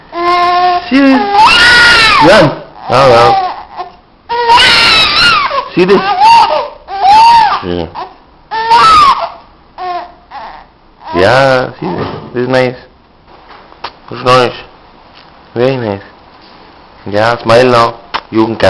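Repeated loud, wailing cry bursts with gasping pauses, some fussing and adult voices nearby; an infant crying.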